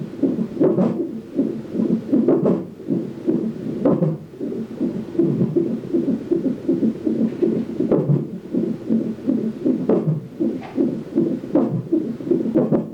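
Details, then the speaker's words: Fetal heartbeat heard on the monitor during a non-stress test in pregnancy: steady rhythmic whooshing pulses; baseline 150 bpm, rising to 170, described as a very active baby, with a contraction monitor also attached. "they said she's very active and that's what they want to see so um yep that's it I just sit here and listen to her heartbeat"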